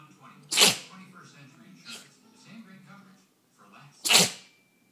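Two sharp, explosive sneezes about three and a half seconds apart, with faint voices and room noise between them.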